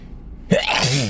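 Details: Wet sneezing in a car after a long workday, with the nose irritated by dust and perfume: a quiet lead-in, then one sharp, wet, explosive sneeze burst with a brief voiced tail.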